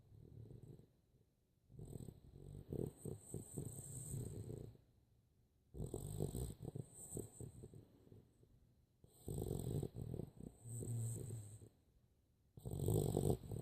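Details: Rattling, fluttering snores in repeated breath cycles, about 17 a minute, with quiet pauses between; snoring.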